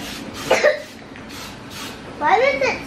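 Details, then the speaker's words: Two short coughing bursts separated by a quiet gap, with some voiced sound mixed in, in a home where mother and daughter are both sick, while a child suggests spray snow may be causing the coughing; cough. "it's making you cough over there no cuz you're cing go over there that because of that I think"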